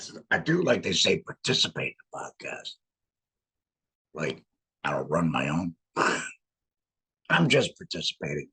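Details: Adult laryngectomee speaking with a voice prosthesis in a tracheoesophageal puncture, pushing trapped air up through the prosthesis to vibrate muscle; tracheoesophageal (alaryngeal) speech.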